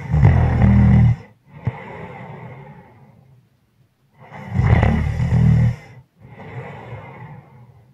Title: Snoring From heavy Breathing to loud snoring